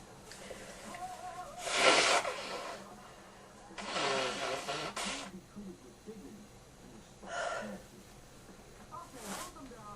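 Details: Person in bed with a cold and stuffed-up nose: several loud, hissing sneezes in a row with stuffy nasal breathing between them; repeated sneezing.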